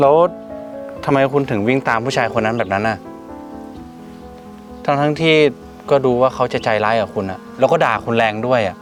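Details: Adult speaker, acted scene; no speech disorder.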